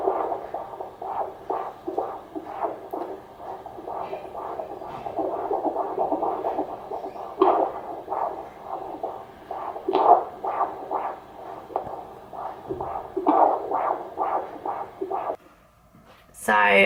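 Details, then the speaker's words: Fetal heartbeat on Doppler by a midwife at 36 weeks 5 days of pregnancy, baby boy with his back on the mother's left side and kicking: rapid whooshing pulses with brief movement bumps near the end; strong fetal heartbeat. "gonna really miss him in that sound it is lovely and my midwife is so sweet listen she even she gets really really excited when she listens to the heartbeat and she always says to me it's just like an amazing sound to hear"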